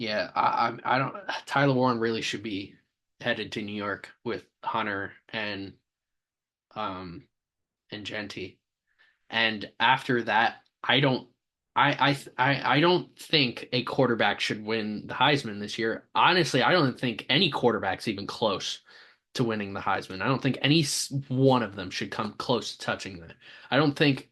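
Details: Stuttering in an adult male sports podcast host who says he has a stammer.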